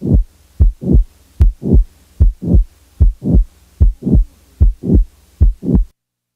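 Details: Stethoscope recording from a patient with mitral valve prolapse: regular heartbeat about 75 a minute with a soft late systolic murmur and no click; the click and murmur are added and removed in turn for teaching.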